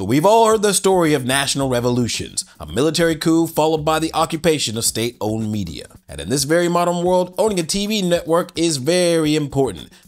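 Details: Adult male narrator; normal voice.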